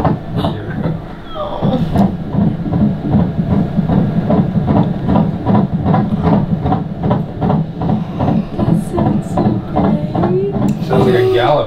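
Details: Fetal heartbeat played during a pregnancy ultrasound scan: fast, regular whooshing beats at about 150 a minute, a normal fetal heart rate.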